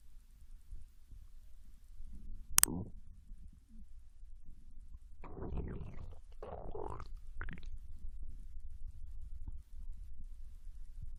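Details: Japanese girl lying on her side in bed after eating ramen: low gurgling and rumbling bursts with quieter stretches between; normal digestive bowel sounds (borborygmi).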